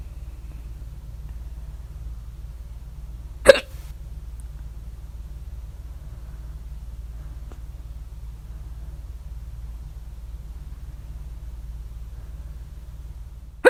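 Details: Two sharp, loud hiccups about ten seconds apart over low room hum; hiccups at 3:04 A.M. after overeating at dinner, mouth alternately closed and open, very loud hiccups with mouth open.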